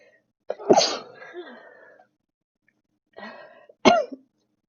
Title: embroidery sneezing